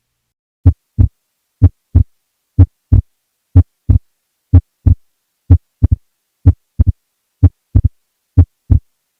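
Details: Widely split S2: steady heartbeat about 62 a minute, second sound split in two, more widely on some beats; causes include right bundle branch block, WPW, pulmonary hypertension, massive PE, severe mitral regurgitation, constrictive pericarditis.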